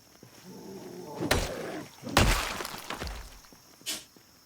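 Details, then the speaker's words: Cat sneezing repeatedly, described as a loud sneeze that sounded like it hurt. "my cat he's he's sneezing ah he sneezed up a storm poor guy i don't know if he heard that buddy that was a loud sneeze from him that sounded like it hurt"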